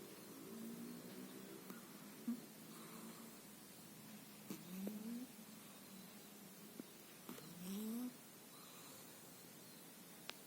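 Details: A sleeping cat snoring: faint rising nasal snores on slow breaths, about two every ten seconds, with a low purr-like rumble.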